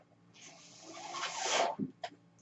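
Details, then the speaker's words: The speaker's own mechanical ventilator heard during speech: a rising airy whoosh ends abruptly, followed by a soft valve thump and click, making one breath cycle. "hello everyone my name is that noise you're nearing is by ventilator and welcome to page turners"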